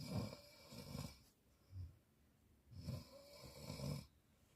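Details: Teenage girl snoring when tired: low, rattling snores on each breath in with quiet pauses between; ordinary sleep snoring.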